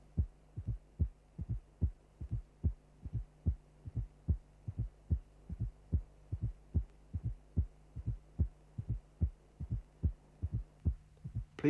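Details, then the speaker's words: Simulated heartbeat near 73 a minute, heard while timing against the carotid pulse: a soft presystolic fourth heart sound just before the first heart sound; never loud, always significant. "Now concentrate on the first and listen to the precistolic fourth sound. It is never a loud feature and to hear it always demands"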